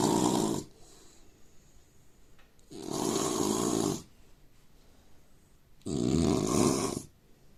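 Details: Indian man snoring: loud, harsh rattling snores on each breath, roughly every three seconds, with quiet pauses between.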